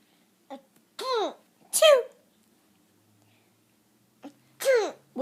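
Several short voiced 'achoo'-like bursts with pauses between them, deliberate imitation sneezes rather than real ones.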